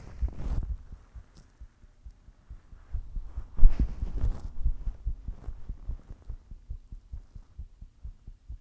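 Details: Person recording their own heartbeat while blushing: steady, rapid, low thumps, with rubbing and handling noise at the start; a heartbeat.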